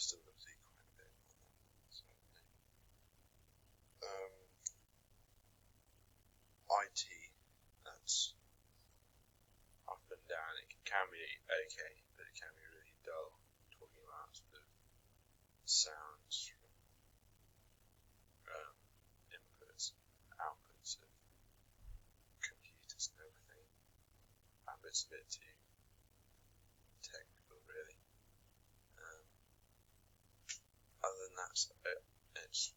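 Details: Young man with real developmental stammer, from a UCL repository; stammers mostly on lexical, often single-syllable words, usually word- or syllable-initial, but sometimes at word end; stuttering (stammering).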